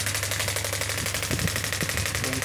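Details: Biotronix pneumatic ballistic radial shockwave therapy (ESWT) machine, up to 10 bar, demonstrated with adjustable frequency: rapid, steady train of sharp mechanical pulses with low motor hum; shockwave therapy device firing.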